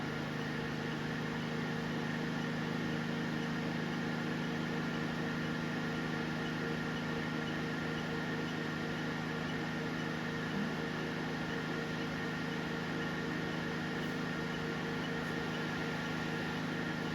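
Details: Steady loud fan and cooling hum with faint tonal whine from a single-handle 808/755/1064 nm laser hair removal machine with TEC cooling during a live test treatment on a man's leg, who feels slightly warm; machine running normally.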